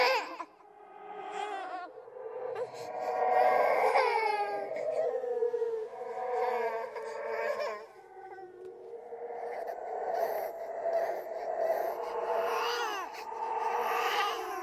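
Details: Simulated horror sound effect of a ghost baby crying and laughing: repeated wailing infant-like cries with rising and falling pitch and brief laugh-like sounds; infant cry.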